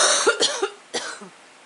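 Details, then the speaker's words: Adult woman recovering from the flu: about four short, harsh cough bursts in quick succession; post-influenza cough. "getting over we're getting over the flu Bob you know um I'm just I'm I'm a I'm a day or two ahead of the camera girl cough it up honey cough it up don't worry about it cough it up get it out"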